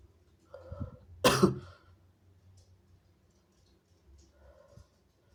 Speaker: Oh my god. Excuse me. It was so big. Whoa. I sneezed on you.